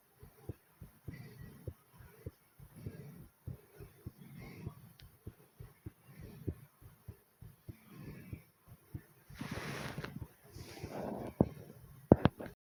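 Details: Fast heartbeat after doing 25 squats: quick, thudding beats at about 85 a minute with some breath noise.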